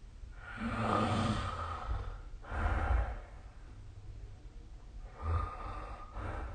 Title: 🐽 Snoring Sleep Sound / いびきの音